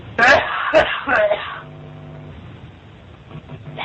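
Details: Staged prank phone call: a few harsh throat-clearing coughs heard over a phone line, followed by phone-line hiss; acted cough, not real.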